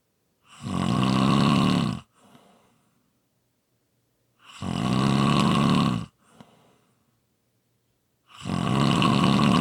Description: ASMR Snoring Sounds. This is a quick 5 minute clip, followed by a long previously recorded clip